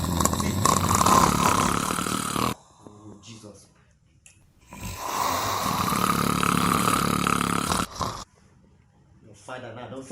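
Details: Man snoring in a shared bed, keeping his bed partner awake: long, very loud, rattling snores lasting two to three seconds each, separated by quieter breaths and short snorts.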